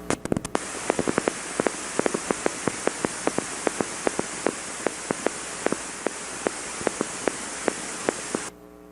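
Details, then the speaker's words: Needle EMG fibrillation potentials: sharp, brief clicks over steady static, firing slowly and regularly, two fibrillations heard. "a little easier slow everyone what do you think that is fibrillation so that's regular very slow there are two fib relations there this one"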